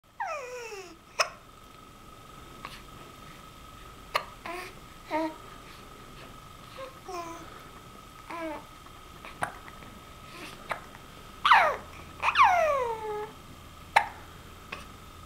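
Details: Hiccups while happy and smiling: repeated short, sharp hiccup clicks mixed with cheerful babbling and squeals over a steady background hum.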